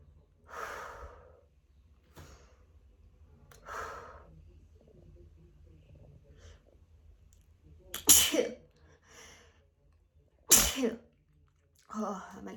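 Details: Adult's pollen-allergy sneezing fit just after an outdoor walk: a run of sharp, explosive sneezes with breathy inhalations between them; the sneezer says it leaves them lightheaded.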